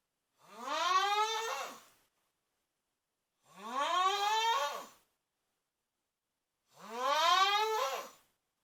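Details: Loud snoring from a sleeping cousin: three horn-like, tonal snores with rising pitch, each about 1.5 seconds long, recurring about 19 times a minute with silent pauses between.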